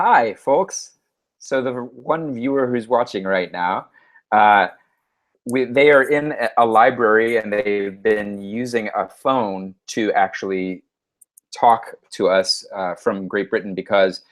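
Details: Adult male speaker; Normal speech.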